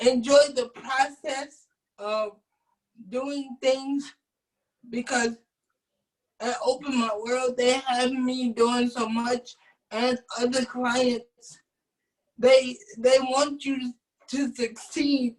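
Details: Adult man with cerebral palsy since birth, wheelchair user, whose family was told at birth he would not be able to speak; dysarthric speech (cerebral palsy).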